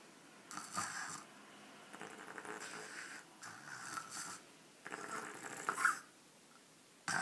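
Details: Baby snoring during an afternoon nap that turned into deep sleep: soft, noisy snoring breaths in short bursts, about four in seven seconds; snoring.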